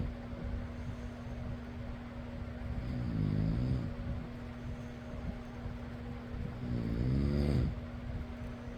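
Two low rumbling snores over the steady hum of a fan; ordinary snoring.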